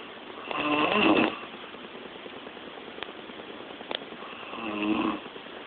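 Two loud, rattling snores about four seconds apart with a quiet pause between: heavy snoring.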